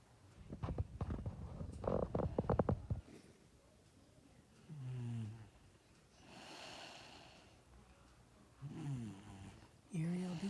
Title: MY BABY SNORES AT NIGHT AND I HAVE PROOF!!!